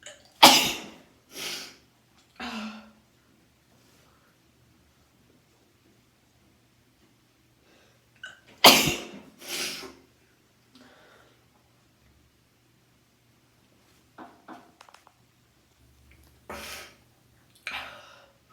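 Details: Sneezing during a run of nine sneezes in a row, using a twisted tissue: two bursts of sharp, forceful sneezes, with soft sniffles and sighs between them.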